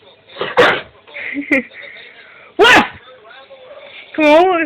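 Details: Dog sneezing while awake and being prompted to speak: two sharp, explosive nasal bursts among snorting and a yelp-like vocal sound.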